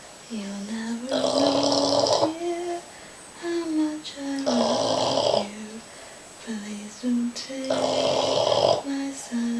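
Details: Sleeping Boston Terrier snoring: loud, rough snorts on each breath in, with whistling, squeaky tones between them; noisy snoring.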